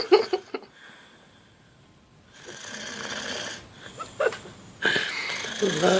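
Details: Adult woman snoring loudly while asleep in bed, her snoring habitually growing louder; loud, rough snoring breaths with short snorting bursts between quieter stretches.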